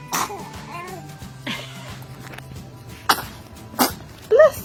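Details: Baby girl sitting up and sneezing; small, sharp sneeze bursts amid light room noise and adult voices saying bless you.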